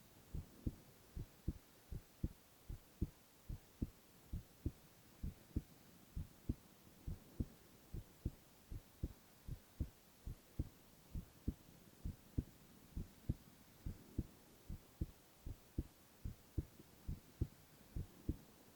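Steady, regular low heartbeat thumps at about 80 beats a minute over a faint hum; normal heart sounds.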